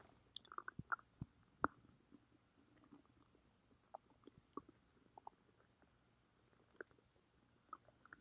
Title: Umbrella’s stomach growling